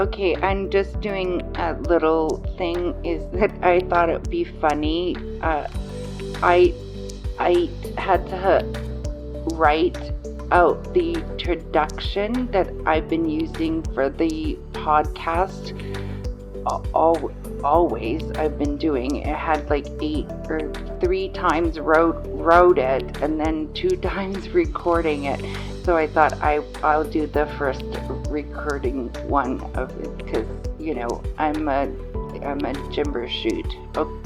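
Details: 54-year-old woman with aphasia after a stroke on November 8, with word-finding difficulty, trouble with small words and pronouns, and word-order errors; aphasia.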